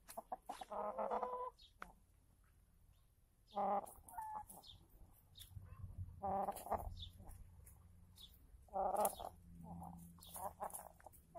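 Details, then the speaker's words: Resting hen with noisy, snore-like breathing, also sneezing and sniffling: repeated throaty snoring sounds every few seconds suggesting obstructed breathing; cause unknown to the owner. "слышите как она прямо храпит и даже не знаешь у делать"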